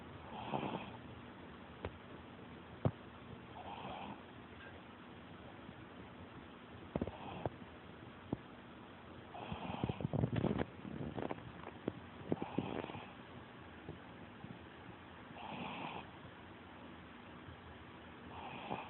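Soft, irregular snoring snorts from a sleeping puppy, with a few faint clicks and rustles in a quiet room.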